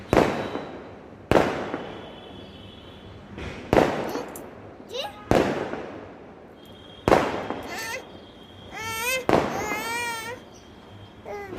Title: Baby starts crying unexpectedly as loud skyshot noises fill the air sudden sounds disturb the baby.